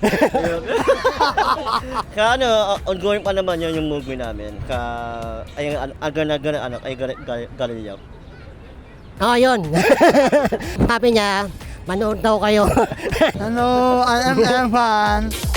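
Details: Young man who had palate surgery as a child and learned to speak late; hypernasal speech (repaired cleft palate).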